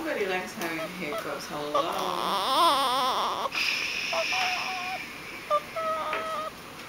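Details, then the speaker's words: Infant girl crying, upset by her hiccups soon after feeding: repeated wavering wails with whimpers, adult voices in a small room; ordinary infant cry. "You get hiccups all the time now, baby. What's up with that? What's up with that? She'll stop crying in a moment."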